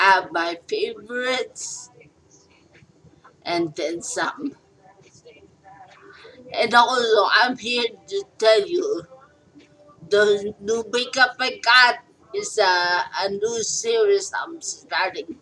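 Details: Adult woman speaking; post-stroke speech.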